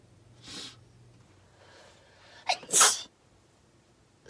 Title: Ex-Sistar sneeze(5) and cough